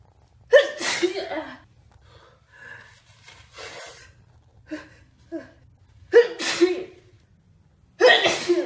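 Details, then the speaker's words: Acted sneezes in a comedy skit, a woman with a runny nose: three loud sneezes, each with a sharp indrawn breath before the burst, separated by quieter breathing; sneeze. "hey girl are you sick can you close your mouth like you're breathing all your germs over here"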